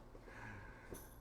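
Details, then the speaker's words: Pet named Louie snoring while napping during a live show, with speech over it; snoring. "Louie's taking a nap we always in the show with Louie this is Louie hurricane Louie won't you look everybody don't be rude absolutely snoring still you can hear I'm snoring"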